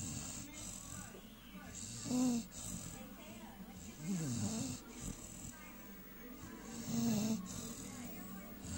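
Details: Sleeping American Staffordshire Terrier (Amstaff) dog: snoring.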